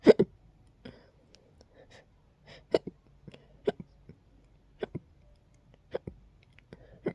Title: Hiccups to sneeccups to sneezes 🤧